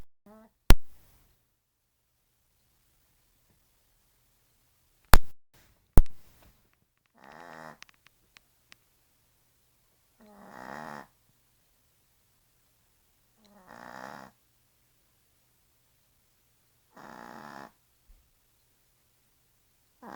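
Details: Small Yorkie dog snoring while asleep, with another dog sleeping nearby: soft, short snores every few seconds in a quiet room, with a few sharp clicks early on.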